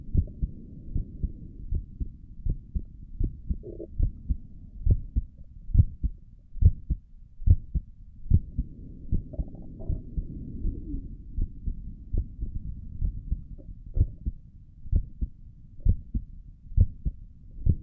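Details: ASMR recording of the creator's own heartbeat through a stethoscope on the chest, stomach gurgles also present: regular lub-dub at about 70 beats a minute with faint background rustling; normal heart sounds.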